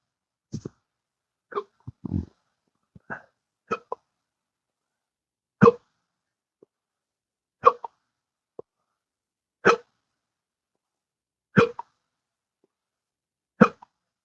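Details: Sharp, abrupt catching sounds about every two seconds, roughly ten a minute, steady and persistent, from a person with intractable hiccups not responding to current treatments; repeated hiccups.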